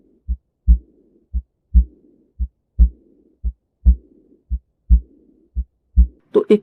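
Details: Example aortic regurgitation murmur for exam teaching: steady heartbeat about 57 a minute with a soft blowing early diastolic murmur right after each second sound.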